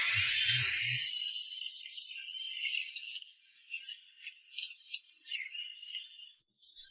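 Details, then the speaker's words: Dental implant surgery: high-pitched whining drill whose pitch wavers as it bites, a small 8 mm bit pre-drilling dense alveolar bone after the gums are lifted; dental implant drilling. "These big and small bits are used to drill holes in the alveolar bone The surface of the alveolar bone is dense and relatively hard At first, a small drill bit of 8 mm should be selected for pre-drilling."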